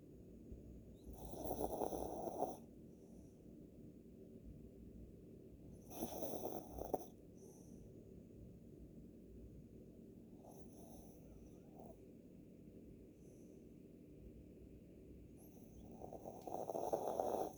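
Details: Soft, breathy snores from a small dog at about three to four breaths a minute, with quiet pauses between them: snoring.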